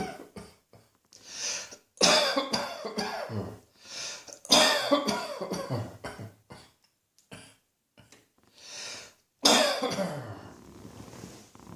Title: Cross Dressing Coughing 131